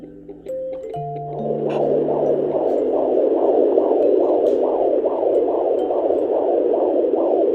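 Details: Fetal heartbeat at 36 weeks of pregnancy, heard at home with a fetal Doppler: rapid, regular whooshing pulses at about 130 beats a minute.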